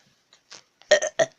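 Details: Person deliberately burping on camera: a soft lead-in, then a short, loud, rumbling run of burps ending in one more belch; burping.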